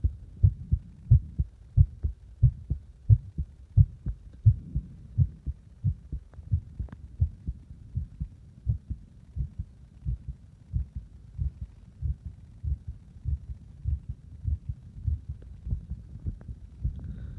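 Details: Person deliberately making their own heart speed up and slow down: low heartbeat thumps about 90 a minute overall, pace shifting between faster and slower stretches.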